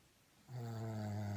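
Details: Person (Mom Mom) snoring during night sleep: quiet start, then a loud, low, steady buzzing sound on an inward breath; snoring.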